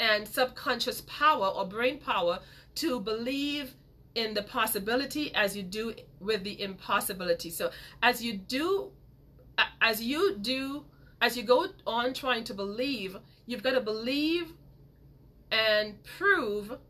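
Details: Woman who grew up with a major speech impediment and still stutters sometimes; word repetitions; stuttering.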